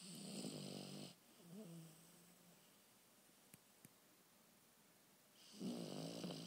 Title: My dog Conner snoring